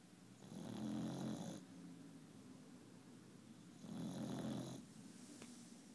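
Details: Snoring, at times loud enough to wake others at night: two low, rumbling snores about three seconds apart, roughly 20 breaths a minute, with a quiet hiss between.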